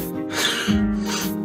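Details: Vocal tic of repeated forced exhalation in a youth with Tourette syndrome, who also has motor tics (nodding, face scrunching, blinking, fist clenching).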